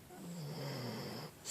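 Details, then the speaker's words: A female dog named Sam, asleep and dreaming, snoring loudly: snoring. "Sam Sam Samantha hi you're snoring loud hi you my bab snoring loud"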